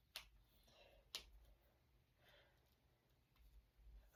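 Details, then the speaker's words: Two sharp, short cracks about a second apart over quiet room noise: a person deliberately cracking their finger knuckles, after cracking their toes and knees. "There we go. That felt good. It's too bad my toes don't crack as much as my fingers do."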